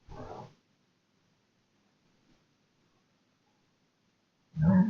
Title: Machine farts, burps, + gurgles.